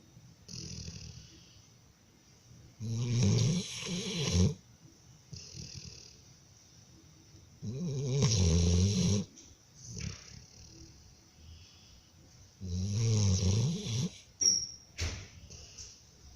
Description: American Staffordshire taking a nap and snoring